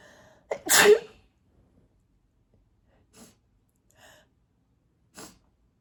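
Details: Part of a mostly covered allergic sneezing fit of 17 sneezes, possibly triggered by cat hair on a sweatshirt: a quick inward catch of breath, one loud sneeze, then three softer, muffled bursts in a quiet room.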